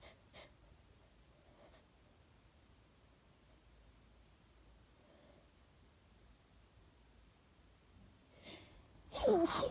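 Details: Female sneezing after effort to provoke sneezes, nose burning: quiet room with faint breaths, then a sharp, loud burst at the end; a sneeze.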